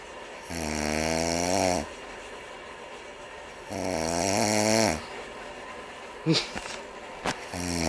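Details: Heavy snoring: two loud, drawn-out snores with a buzzing, tonal quality, each over a second long, separated by quiet exhalation pauses.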